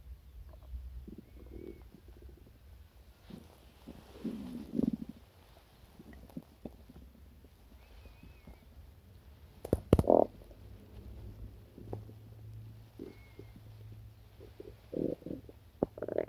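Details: Stomach growling after breakfast, which happens whenever chocolate milk or anything sweet is eaten: intermittent gurgling rumbles and squeaky bubbling over low background hum, normal bowel activity.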